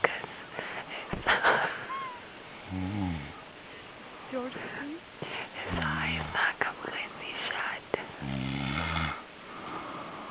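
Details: Person snoring while sleeping on a camping trip: a few short rumbling snores among outdoor rustling and faint background noise.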